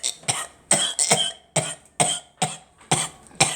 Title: Me and girl coughing